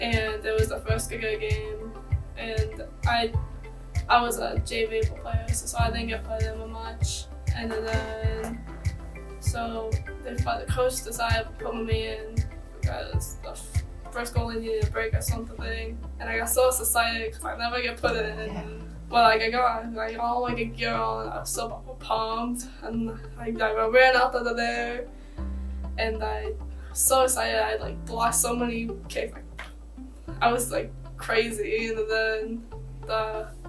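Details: Teenage female high school soccer player with an acquired stutter and speech impediment after a concussion from a kick to the head, with vertigo and walking difficulty, recorded before upper cervical chiropractic care; stuttering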